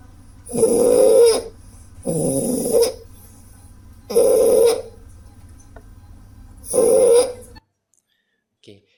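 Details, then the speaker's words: Inspiratory stridor in a girl presented as "congenital stridor", with café-au-lait spots on trunk, right axilla, right hand and right knee, oxygen saturation about 97% on room air; loud, harsh, high-pitched noisy breathing on each inspiration. "there is a noisy breing on inspiration if you can appreciate and the noisy reading is actually high pitch so this is a inspiratory stor"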